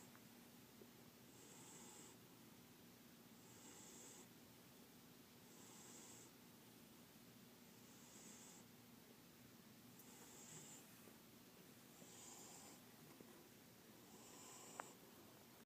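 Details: Male cat sleeping under a table, snoring: soft, regular hissing snores, seven in about fifteen seconds (roughly 28 a minute), in a quiet room.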